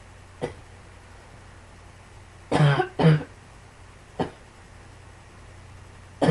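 Five short cough bursts over about six seconds, two louder paired coughs in the middle, against quiet room noise; repeated coughing.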